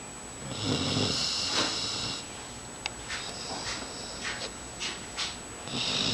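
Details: Sleeping animal in a small tube, light snoring: soft, hissy, airy breaths recurring every second or so, with quiet snorts in a small room.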